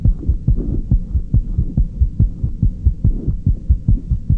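Fast, regular paired heart thumps at roughly 140 beats a minute, clear and low-pitched with a steady hum behind them: normal heart sounds in a young child.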